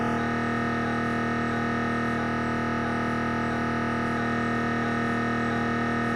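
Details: Siemens Magnetom Avanto head scan; loud, continuous droning buzz with a rapid pulsing beat: MRI gradient noise.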